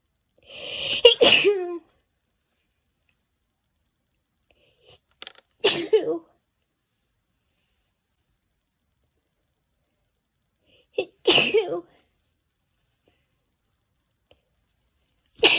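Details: Four sneezes, each a sharp inhalation then an explosive burst, with quiet pauses between; tagged as hay fever.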